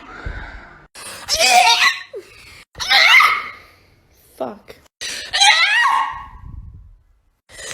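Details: Several loud, forceful sneezes with sharp bursts and voiced build-ups, some with gasps or brief laughter between them, from people in a compilation, including hay fever and allergy sufferers; a sneezing fit.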